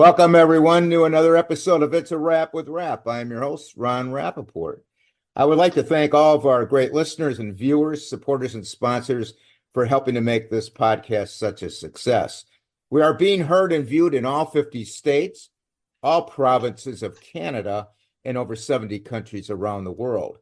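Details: Adult man; Normal speech.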